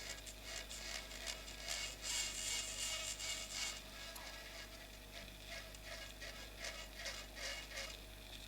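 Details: Temporal bone dissection, drilling bone at the vertical facial nerve segment toward the styloid through peripheral air cells, parallel to the nerve. High-pitched whirring and gritty grinding in irregular pulses of an otologic surgical drill.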